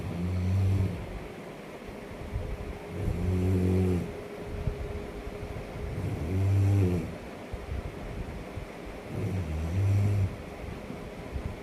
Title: Beautiful Snoring